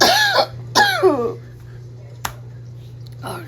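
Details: Cough from an adult still recovering from a recent illness with heavy coughing that made breathing hard: two harsh, voiced coughs followed by a faint short sound.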